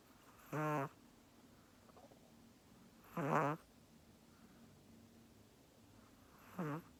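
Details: Snoring pet: three short, buzzing, tone-like whistly snores a few seconds apart in a quiet room.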